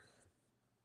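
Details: During a live interview about Friedreich's ataxia, after a brief silence a single sharp, dry cough burst is heard, followed by a short voiced tail; it is not stated who coughs; an isolated cough.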